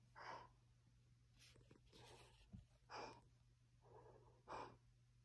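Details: Greyhound dog asleep, twitching, with slow, deep, slightly snuffly breaths and a soft snort, about 19 breaths a minute, over a steady hum: normal sleep breathing.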